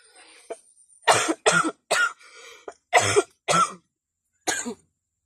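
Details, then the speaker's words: Adult with a cough for two weeks that has not cleared despite injections and medicine, feeling very unwell: about six loud, harsh coughs in a close run with short pauses. "आप सब देख सकते हैं कितनी खांसी आ रही है हमें। हमारी तबीयत बहुत ज़्यादा खराब है।"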